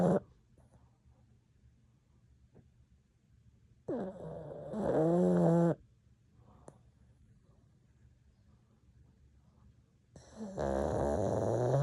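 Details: Sleeping pug snoring: loud, rattling snores, about 11 a minute with quiet pauses between them.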